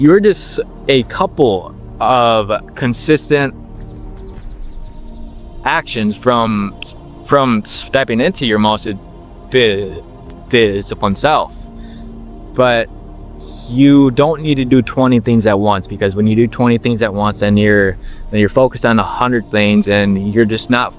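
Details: 21-year-old man with stuttering since he began talking, long working to overcome it and reporting that slowing down improved his speech; word repetitions audible; stuttering.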